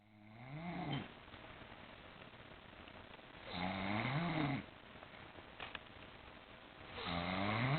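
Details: A woman asleep on a chair, snoring louder and louder: three long, rumbling, fluttering breaths at about 19 a minute with quiet pauses between; snoring.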